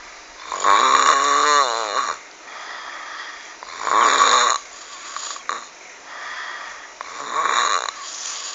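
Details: Loud, harsh rattling snores on each in-breath, about 18 a minute, with quieter breathing between; frightening heavy snoring.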